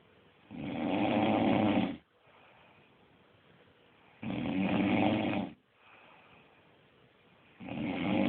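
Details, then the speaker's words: Adult woman, mother of a toddler, snoring in sleep: loud, rough snores on each breath in, about 17 breaths a minute, with quiet breathing out between; ordinary loud snoring. "I've now come to the conclusion that I've found the source of daughter not sleeping."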